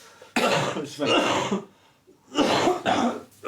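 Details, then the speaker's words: Two loose, wet coughs rattling with phlegm from an adult patient who reports coughing up a lot of phlegm and asks whether it is a chest infection; productive cough. "also since I read this I've been coughing up a lot of FL as you can hear yeah is that a chest infection"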